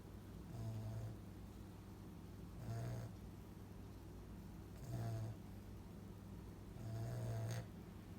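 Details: Sleeper whose tongue is too big for his mouth, which contributes to his snoring: four regular low snores, about 27 a minute, in a quiet room. Rhythmic snoring during sleep.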